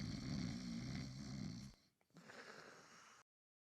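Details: Simulated cartoon snoring for an animated 15-year-old girl character: a low rumbling inhaled snore, a brief pause, then a softer breathy exhale.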